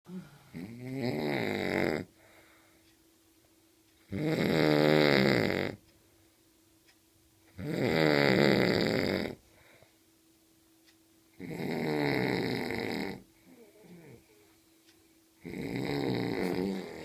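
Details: Five loud, harsh, vibrating snores on the in-breath, about 18 a minute, with quiet pauses between, during sleep; heavy snoring.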